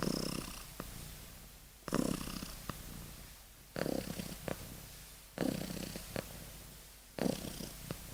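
Soft rhythmic snoring from a sleeping kitten, about one snore every two seconds, with a purring quality.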